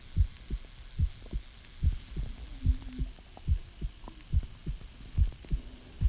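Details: A person's own heartbeat, recorded to hear the heart sounds in more detail rather than the rhythm, as they ask whether it sounds healthy: steady paired low thumps at about 72 beats a minute over a faint low hum, ordinary heart sounds.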